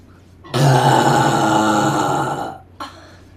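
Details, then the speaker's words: One long, loud, rumbling voiced belch lasting about two seconds, called wet by the burper, then a brief short sound; burping during gaming; burping. "i got a burp all right okay all yours am i alive am i talking hey that one was wet ah"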